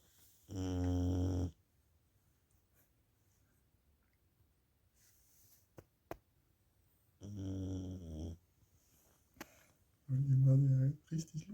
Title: Hund schnarcht / dog snores